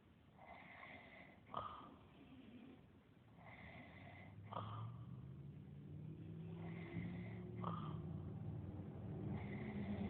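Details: Staged dramatization of a character (John the Carpenter) snoring: repeated exaggerated snores with whistling, snorting breaths, performed rather than natural sleep; simulated snoring.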